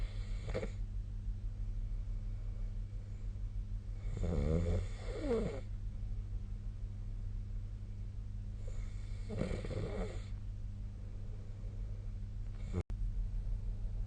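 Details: Sleep snoring recorded with SnoreLab snoring app: two or three rough, rattling snores over a steady low hum, with quiet pauses between.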